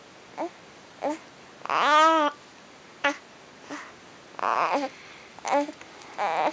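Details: Baby about 2 months old during tummy time: short, sudden hiccup catches about every half second to second between soft baby sounds; hiccups.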